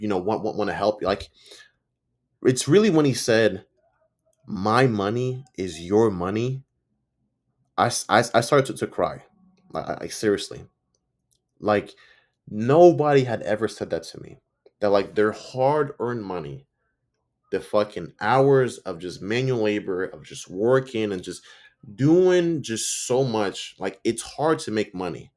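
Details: Stuttering in an adult man who reports that he stutters and sometimes mispronounces words; his own spontaneous speech, with audible sound and word repetitions.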